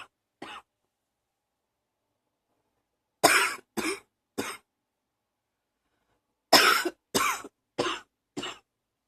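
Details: Ongoing cough attributed to allergies: a single short cough, then two runs of three and four dry coughs, eight in all.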